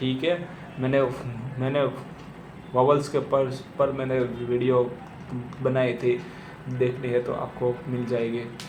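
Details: Adult male who says he himself stammers, speaking Hindi with audible word repetitions; stuttering.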